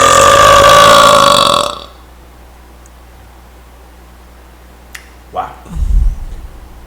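A long, loud, tonal belch lasting nearly two seconds, then quiet room noise and a brief voice; a burp.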